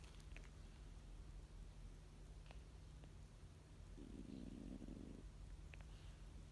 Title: LOUD CAT SNORING WHEN HE SLEEPS